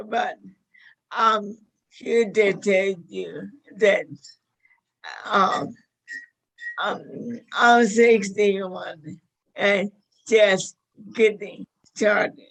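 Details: 61-year-old woman with motor neuron disease diagnosed five years earlier, with a 2–5 year prognosis at diagnosis; slurred speech whose severity varies day to day; managed with a carnivore diet; dysarthria.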